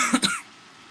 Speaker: still got my cough it seems like it's nice and strong